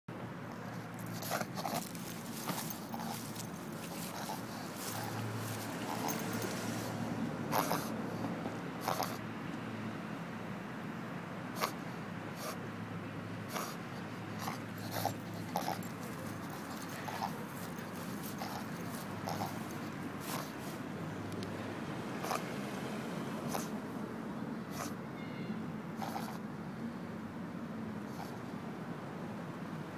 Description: My pug Charlie is having a reverse sneezing attack....